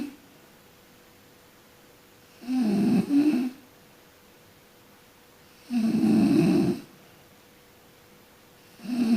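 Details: Person sleeping and snoring: regular rough, rattling snores on each breath in, about 18 breaths a minute, over steady room hum.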